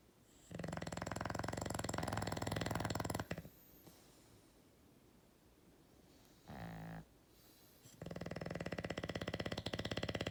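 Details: Loud, rattling snores with a low fluttering buzz, separated by a quiet gap and a brief softer sound; snoring.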